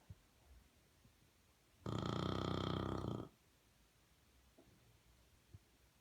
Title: Crazy english bulldog, what she did all day, snoring, turn up volume